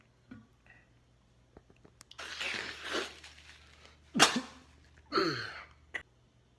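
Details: Acted comedy sketch of sneezing in public at a meal: a breathy build-up, then a sharp explosive sneeze and a second sneeze burst.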